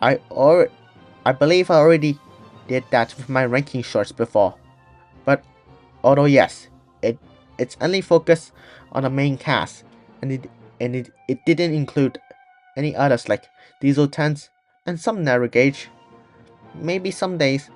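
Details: Person who stutters, with audible word repetitions; stuttering.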